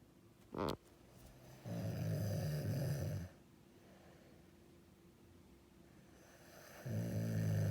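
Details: Adult snoring: a brief snort, then two long, loud, low rattling snores on breathing in, separated by a quiet pause in a still room.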